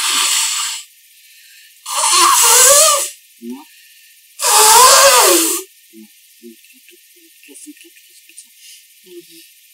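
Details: A person and their girlfriend sneezing before nose blowing: three loud hissing bursts about two seconds apart, each with a voiced tail, then quiet room sounds.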